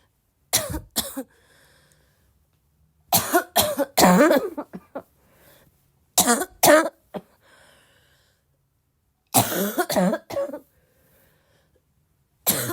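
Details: Girl still sick, coughing a lot, possibly a barking cough: repeated bouts of harsh coughs, usually two or three at a time, separated by pauses.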